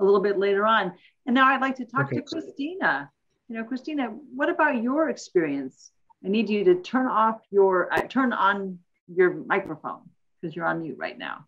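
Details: Adult speaker; Normal voice.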